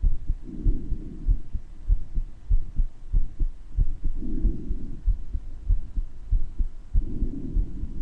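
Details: Self-recorded heart murmur with breath sounds: regular heartbeat about 95 a minute, soft whooshing murmur clearer in places, breath sounds swelling over the beats roughly every three seconds.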